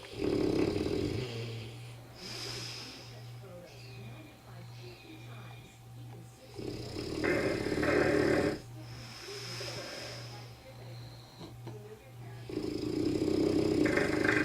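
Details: Sleeping dog whose loud snoring keeps it in a separate room: loud, rattling snores on each breath, about three in fifteen seconds, with quieter breathing between them.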